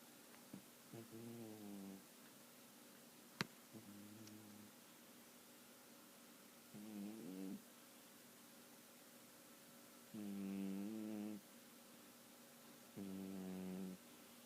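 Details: Sleeping cat: soft, brief nasal snores with a faint tonal buzz, repeating irregularly in a quiet room; ordinary snoring.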